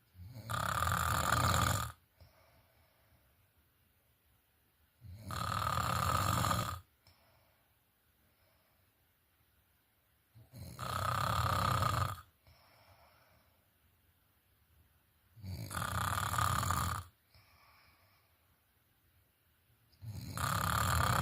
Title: Snoring in Sleep